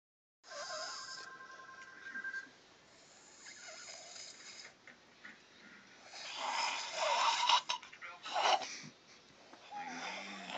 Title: Hilarious snoring